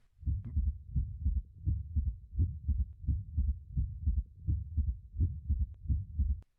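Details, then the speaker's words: Stethoscope bell at apical impulse: regular low-pitched heart sounds; audible S3 with light bell pressure disappears when the bell is pressed more firmly on the chest wall. "now notice how the third heart sound disappears when the Bell is placed more firmly on the chest wall"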